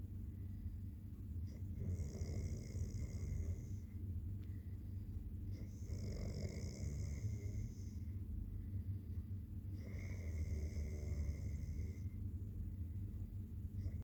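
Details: Adult man snoring during sleep: steady low rumbling breathing under a constant room hum, with three snoring breaths about four seconds apart, roughly 15 per minute.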